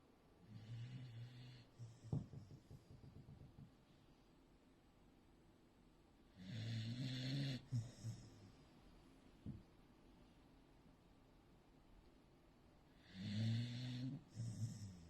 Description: A beagle snoring